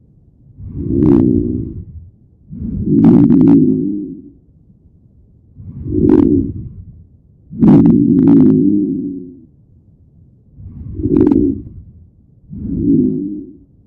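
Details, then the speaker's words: Simulated rhonchi in an ICU teaching recording, about 12 breaths a minute: low-pitched, coarse, snoring-like sounds, often from airway secretions and may clear with coughing; described in bronchitis and bronchiolitis. "Rhonchi, low-pitched and coarse, snoring-like sounds. Often caused by airway secretions and may clear with coughing."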